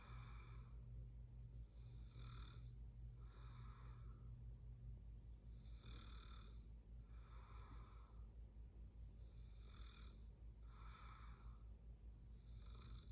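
Repeated rough, rattling breathing sounds during sleep, recurring every few seconds over a steady low hum: snoring.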